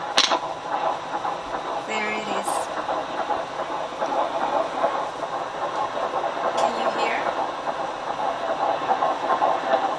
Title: Pregnancy | My Baby's Heartbeat at 3 months using Home Doppler